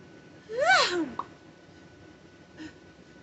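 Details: Vocal tic in a parent of five that began after a stressful day of phone calls, during treatment for a bad ear infection with antibiotics, steroids and Tylenol, after stopping Benadryl: a sudden rising-and-falling squeal, then a click and a faint second noise.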